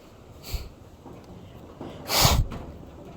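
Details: A single sneeze: a small snort, then a loud burst of air through nose and mouth.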